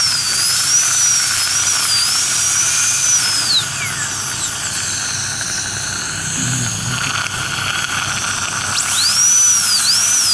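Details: High-speed dental drill whine rising and dipping as it cuts, with hissing water spray, during crown tooth preparation using a gum protector for aesthetic restoration.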